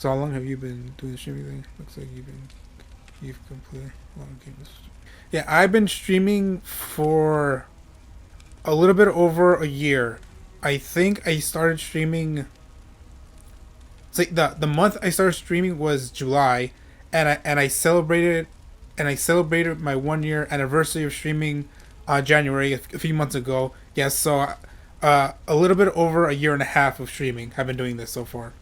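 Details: Adult male streamer with a self-reported stutter; he says it takes him a while to say what he is thinking and he often stutters or repeats himself; stuttering.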